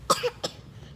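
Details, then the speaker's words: Two quick, dry cough bursts close together in a quiet room, from a person who says they are still coughing and need a cough drop; cough. "yes I'm still coughing no you're not yes baking you're coughing"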